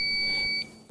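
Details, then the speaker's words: AED powering on after the lid is opened or the power button is pressed, in CPR/AED training: a single steady high-pitched beep of about half a second as the device readies for use. "opening the lid will turn on the power for some Aedes with others simply press the power button"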